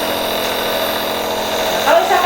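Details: Steady loud mechanical hum and buzz of a nebulizer compressor running during a nebulization procedure for thinning sputum, with medication loaded and vapor flowing from the mask; faint voices in the background.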